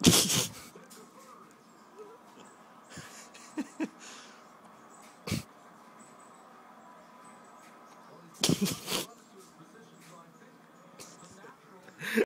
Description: Baby with the hiccups